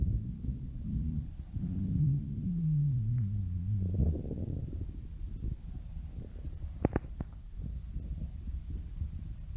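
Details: Stomach growling: long, low, sliding rumble followed by softer gurgles and a few pops.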